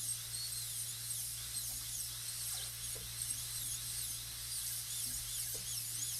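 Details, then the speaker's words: Continuous high-pitched whine of a high-speed handpiece cutting occlusal reduction past the central groove and toward the marginal ridge during a full gold crown preparation on tooth 30, low room hum; dental high-speed handpiece. "I'm going to make a ridge over here. I'm going to come down from the ridge and bring the end of the burr out the groove."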